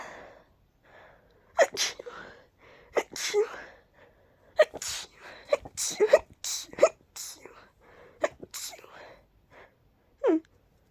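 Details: A person deliberately ending each sneeze with "choo": a run of about eight sharp sneezes, some with a voiced "achoo", with quick breaths and soft voice between them.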